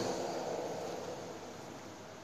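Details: A Yuwell 7F-5 oxygen concentrator running, a 5-litre machine delivering 1–5 L/min at about 87–95.5% oxygen concentration.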